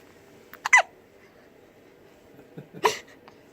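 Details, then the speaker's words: Baby boy: two short sharp catching sounds a couple of seconds apart in a quiet room; infant hiccups. "You got the hiccups?"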